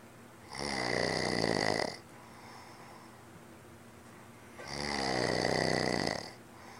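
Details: Two loud, rough snoring breaths about four seconds apart, with quiet exhalation between; ordinary snoring from a man who had just claimed he does not snore.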